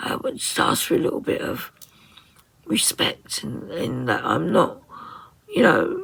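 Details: Woman with muscle tension dysphonia (very tight, stressed muscles around the vocal cords), also affecting swallowing, severe at times, attending speech therapy.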